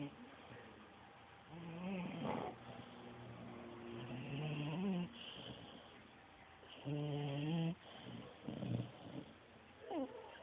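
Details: Irregular nasal, whistling snores with squeaky, tone-like breaths, roughly 20–25 a minute, in a quiet room; snoring.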